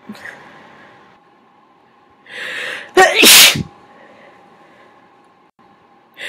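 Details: Single forceful sneeze with an indrawn breath before the explosive burst, then quiet room noise; from a recording of natural and first-time deliberately induced sneezes.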